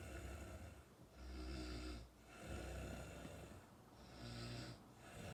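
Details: Person snoring in sleep: loud, rough, low rumbling snores on each breath in, separated by quieter breaths out, with a steady sleep breathing rhythm.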